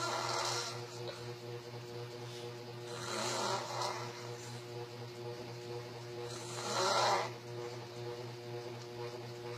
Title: [S5E2 Filipino] | | Open Mouth and Eyes Snoring